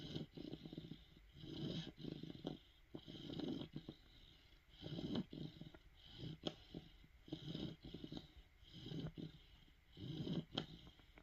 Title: Cane Corso Puppy Snoring #italianmastiff #dogsofinstagram #dog